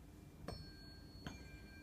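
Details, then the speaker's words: Two taps of unweighted tuning forks for sound therapy, struck on an activator and held 3–4 inches from the patient's ears, each leaving a clear, steady lingering tone; two tones forming a perfect fifth. "two different tones a/c energy on the solar harmonic scale which creates a musical interval of a perfect fifth"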